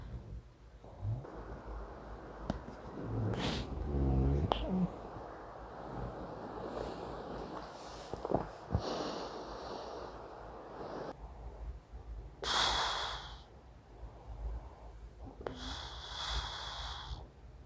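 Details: Adult male with severe snoring and sleep apnea (about 70 apneas per hour on a sleep study), asleep using CPAP. Slow, noisy breaths about every four seconds over steady machine hiss, with a brief snort-like rumble: residual heavy breathing during CPAP use.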